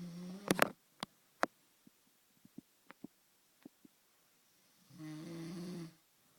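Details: Two low, rattling snores with a few soft clicks and smacks between them in a quiet room; snoring.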